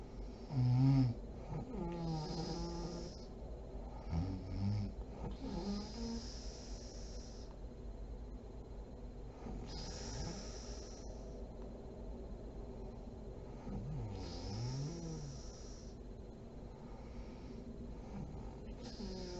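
Low, rumbling snores with irregular snorts and throaty vibrations during sleep, over a steady room hum; snoring.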